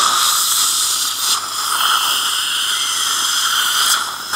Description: Saliva ejector system used in a dental practice (Brussels). This system is integrated on the dental unit S 300 (STERN WEBER).